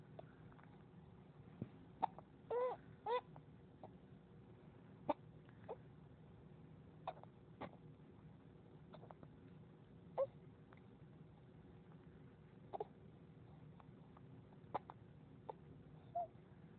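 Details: Sophia, a 3–4-month-old baby girl, with hiccups; faint, brief catching sounds at irregular intervals and a few small squeaky vocal hiccups over background hum.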